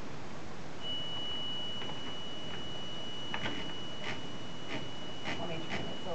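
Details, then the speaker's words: Continuous high-pitched low-oxygen monitor alarm over room noise and handling sounds during intubation practice on a dummy (simulated). "the oxygen is low which i know that so it's too late"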